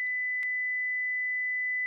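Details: Simulated tinnitus: a phantom ear or head noise that may be ringing, buzzing, whistling or humming, temporary or permanent, and is often linked to hearing loss.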